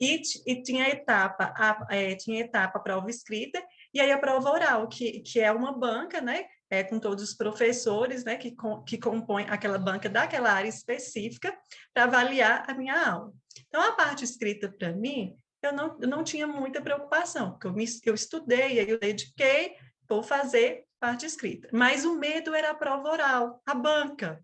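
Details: 37-year-old woman who stutters since age 4, with father and brother who also stuttered; she calls it a neurobiological speech disorder; stuttering.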